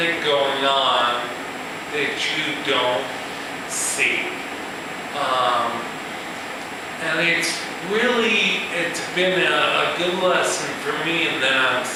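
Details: Man with ataxia, a progressive neurological disorder with cerebellar cell death affecting balance and speech, who says his speech has improved, giving a live talk; ataxic dysarthria.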